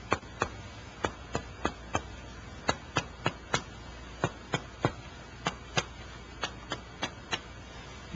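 About eighteen sharp finger taps on the chest, in short groups of two to four, in a quiet room. The note is resonant over the lung fields and turns dull over the diaphragm, a normal percussion finding that marks the lower edge of the lung.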